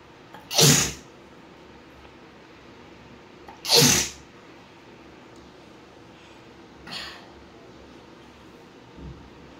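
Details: Indian housewife in a sneezing challenge tickles her nostril with rolled paper: two loud, sharp sneezes about three seconds apart, then a fainter third burst and a small sniff.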